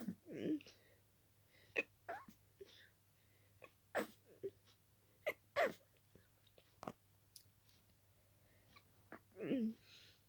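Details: Rapid run of wet, stuffy, partly stifled sneezes with quick gasping breaths between in a quiet room, with intensely itchy nose; allergic sneezing fit in someone very allergic to dust.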